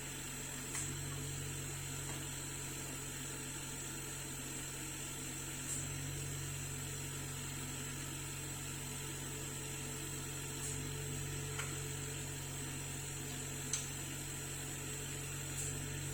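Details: An oxygen concentrator running during repair; it produces no oxygen while the tubing and humidifier are checked for leaks: oxygen concentrator compressor running.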